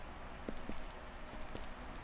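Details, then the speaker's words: Clinical-examination demonstration for ascites (shifting dullness) on a doctor acting as the supine patient: a few soft, quick finger taps percussing from the abdominal midline outward over a low room hum, tympanic to dull. "الدولنس هو هذا الصوت المبكوم اللي يكون نتيجه لتجمع سوائل او كثافه زايده، والتيمبانيك ساوند هو الصوت مثل الطبل لما يكون هواء اكثر."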